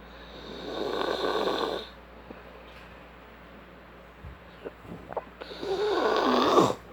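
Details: A person snoring: two loud, rough snores on breathing in, separated by a quiet pause with faint breath noises; ordinary snoring during sleep.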